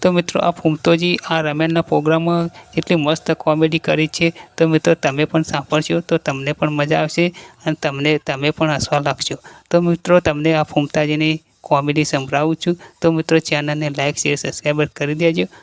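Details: Adult male speaker; Normal speech.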